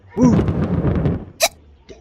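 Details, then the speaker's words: Simulated hiccups voiced by an actor for an animated couple sketch: a voiced sound followed by a sharp, sudden hiccup-like gulp. Acted imitation of hiccups. "Oh, here's some ways to get rid of it. Number one, scare away [music] the hiccups."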